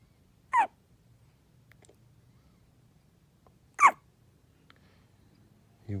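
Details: Two short, sharp hiccups about three seconds apart, with a third starting at the end, in a quiet room; normal hiccups in a 4-day-old newborn.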